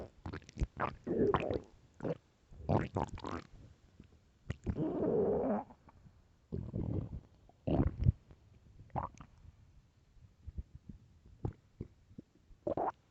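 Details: Loud hunger stomach growling (borborygmi): irregular gurgles and rolling rumbles from the stomach with short pops between.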